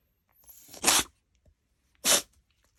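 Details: A cat that can't stop sneezing, its face soaked from the sneezes, gives two sharp, hissy bursts about a second apart; the first has a brief wet inward lead-in.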